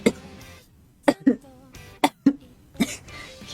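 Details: About six short, voiced, harsh coughs in quick clusters from a young woman livestreaming with a sore throat and persistent cough, worse when she strains her voice; some faint background sound.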